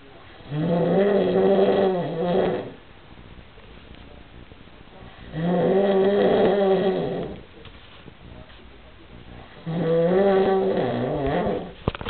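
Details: Three long, buzzy, slightly tonal snores about two seconds each, separated by quiet exhalations, around 13 a minute: snoring.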